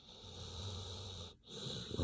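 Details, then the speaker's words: Sleeping dog: low rumbling breath noise with a wheezy, snorting edge; snoring. "sounds of sleep. Doggy snoring is sleep inducing."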